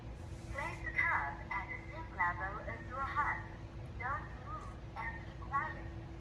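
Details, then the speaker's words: Home automatic blood pressure monitor with the cuff on the arm takes a reading, and its synthetic voice gives short prompts to stay quiet and still over a steady pump hum. "and it's saying that press the cuff in the arm and be quiet and don't move thank you"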